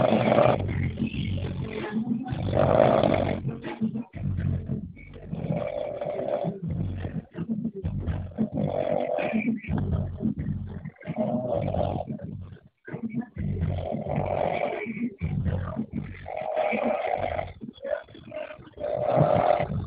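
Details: Binho snoring, with background music: repeated rough, rumbling snores in close succession, uneven in strength, with brief quiet gaps between breaths.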